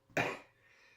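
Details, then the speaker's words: Adult with a common cold caught indoors, wheezing and sniffing: a single short, harsh cough over faint room hum. "as you can hear I'm bit wheezing and sniffing and that's because I caught a cold and not because I was outside but I caught it inside"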